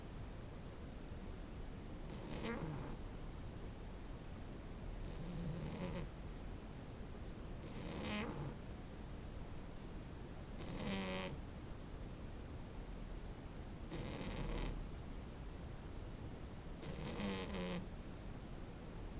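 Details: Snoring French bulldog puppy: soft rhythmic snoring with a brief rasping noise on each breath, about 21 breaths a minute, over steady room hiss.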